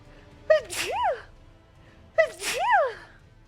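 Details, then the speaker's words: Female streamer sneezing: two high-pitched sneezes about two seconds apart, each a sharp in-breath then an explosive burst with a voiced squeal; she reports spraying a mist of spit. "I'm so wet from sneezing oh my God when I sneeze nothing comes out of my nose but I do like a mist of spit"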